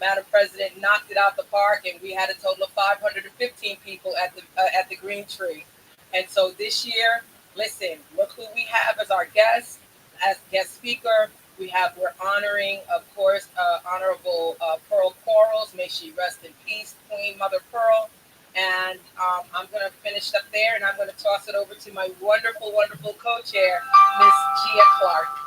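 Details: Adult woman speaking; Normal speech.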